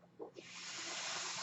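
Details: Steady rushing hiss of airflow after a brief faint sound: the podcaster's own home mechanical ventilator, audible throughout a real spoken recording, delivering a breath.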